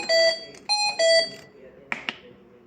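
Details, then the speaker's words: Three loud electronic alarm tones then two sharp clicks: a mechanical ventilator alarm sounding because the oxygen supply is disconnected; the ventilator keeps ventilating. "Y está pitando porque... ¿Por qué usted cree que está pitando? No está conectado al oxígeno."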